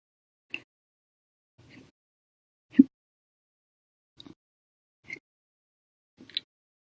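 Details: An adult's ongoing hiccups after meals and soda, in an episode lasting over 13 hours: six short, sharp gulping sounds at regular intervals within seven seconds. Audio only.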